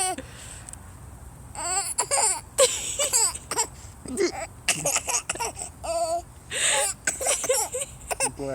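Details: Baby giggling in repeated bursts with some fussy cry-like sounds, amused by his father's hiccups; infant laughter, not distress.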